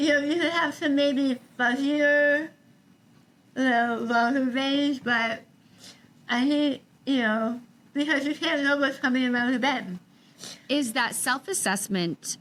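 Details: Adult woman after stage 4 tongue cancer: over half of tongue removed and reconstructed with forearm graft, neck dissection, six weeks of radiation and chemotherapy; some people cannot understand her; articulation disorder after partial glossectomy.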